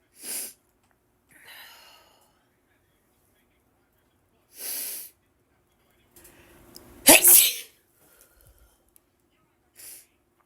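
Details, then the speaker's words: Woman with itchy ragweed allergies in a sneezing fit: about four sharp, explosive sneezes with short breathy pauses between them. "oh my gosh such a Sneezy day today guys I seriously cannot stop sneezing"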